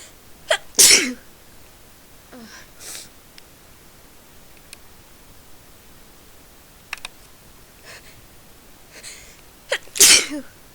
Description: I sneezed thrity times in a row.